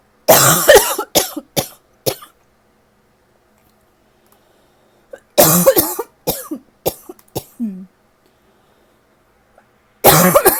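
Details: Tickly, dry cough: three bursts of short, dry, hacking coughs, several coughs each, with quiet pauses between.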